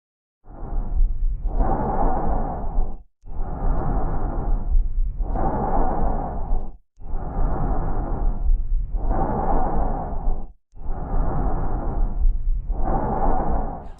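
Loud, harsh, hollow blowing breath sounds at about 16 breaths a minute, with expiration louder and longer than inspiration and short gaps between phases. These are bronchial breath sounds, normal over the large airways near the sternum; heard at the lung edges, they suggest consolidation such as pneumonia or collapse.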